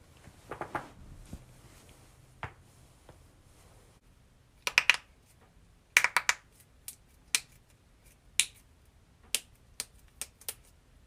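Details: Compilation of knuckle, neck and back cracking: series of sharp pops and clicks, some in quick clusters; joint cavitation.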